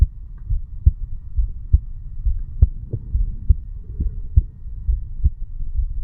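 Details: Regular paired lub-dub normal heart sounds at about 68 a minute over a low background hum, from a 35-year-old male sitting on stairs, recorded over the bicuspid (mitral) valve area.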